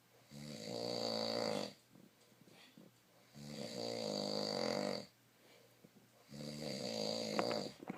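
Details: Sleeping male: loud, buzzing, tonal snores with each breath, about 20 a minute, with quiet pauses between; snoring.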